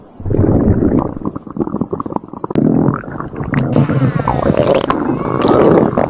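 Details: Stomach growling (borborygmi): loud, prolonged gurgling and rumbling with bubbly, squeaky runs.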